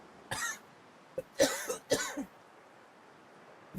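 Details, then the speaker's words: Person coughing while turned away from an auto-gain microphone during a gaming stream, wondering whether they swallowed a bug: three to four short, muffled dry coughs in quick succession, with a throat-clearing quality, in a quiet room. "bad part is that I turn away and cough, but because the microphone auto sets the gain, You can hear it like I'm right in the microphone."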